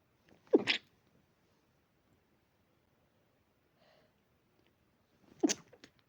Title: dog allergy pinch sneezes